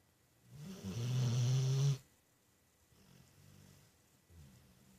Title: Wow how can I sleep if Hercules snoring so loud